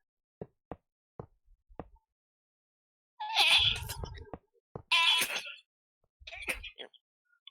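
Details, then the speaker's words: Adult sneeze that shakes the whole body and comes without warning: a few soft clicks, then two forceful hissing bursts and a shorter third, with quick recovery breaths. "Sorry. When I sneeze, like my whole body shakes. I can't push a mute button. Nor do I get warning of it happening beforehand."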